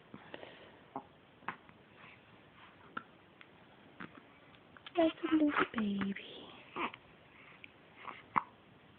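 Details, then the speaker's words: Tiny infant girl, repeated soft, brief hiccup clicks at irregular intervals with a short voiced sound midway; hiccups. "It's the crazy What's going on? That's a lot of hiccups that one."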